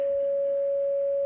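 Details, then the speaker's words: Simulated heart monitor flatline: a single steady mid-pitched tone held unchanged, imitating the continuous asystole alarm, a musical note played as a demonstration. "the sound of a heart monitor when the heart is flatlined"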